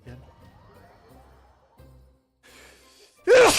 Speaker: just watch for a little bit longer. Need to sneeze